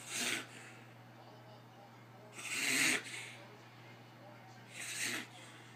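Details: Reverse sneeze in an 11-year-old female greyhound: three harsh, hissing snorts a few seconds apart.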